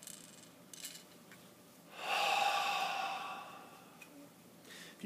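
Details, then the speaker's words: Correct incentive spirometer technique: a normal exhalation, then a slow, deep, steady inhalation keeping the float between the arrows, followed by a breath-hold of a couple of seconds to re-expand the alveoli; 2500 cc device. "put it in their mouth and then breathe in while keeping the float between the arrows"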